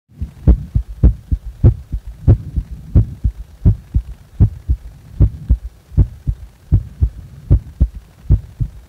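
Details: Heart sounds recorded while feeling discomfort in the heart: steady low lub-dub at about 85 beats a minute, with distinct first and second sounds and a faint background hum.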